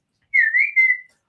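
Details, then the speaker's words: An adult man with Tourette's syndrome producing a whistling vocal tic during conversation, alongside erratic movement tics. "you might you might notice that is is whistling has some um you know erratic movements and those are called ticks called tourette's"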